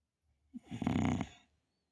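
A single rough, rattling snore on the in-breath, loud and brief, in a quiet room.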